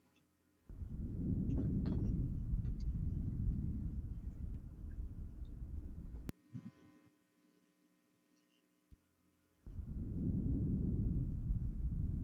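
Soft, low-pitched rustling breath noise rises and fades, then after a quiet pause returns with the next breath. These are normal vesicular breath sounds, made by air moving into and out of the alveoli. They are quieter and lower than tracheal sounds and are heard through inspiration and early expiration.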